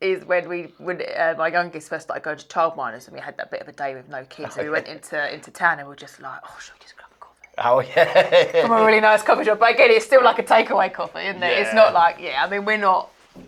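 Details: Adult woman speaking, with a second adult briefly joining in; normal conversational speech.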